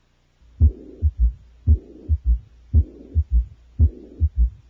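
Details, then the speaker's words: Heart, about 57 a minute: a high-pitched, blowing holosystolic mitral regurgitation murmur with a third heart sound, plus an audible mid-diastolic murmur. "the murmur of mital regurgitation is loudest at the Apex is audible throughout syy is often accompanied by a third heart sound and is high pitched and blowing"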